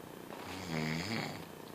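One drawn-out, vibrating snore on an in-breath; ordinary snoring.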